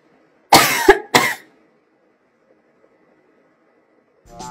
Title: adorable cough